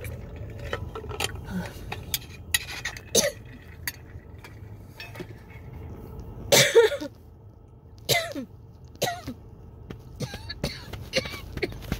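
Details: Real coughing fit from a throat tickle with shortness of breath, recorded in a car: scattered cough bursts over car noise and rustling, with chest patting and drinking water; an inhaler was used near the end without stopping the cough.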